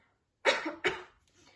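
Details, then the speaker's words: Two deliberate, muffled voluntary cough bursts from an adult, staged in a nurse's health demonstration of coughing into the elbow to prevent spreading germs. "Or if you need to cough, cough into your elbow"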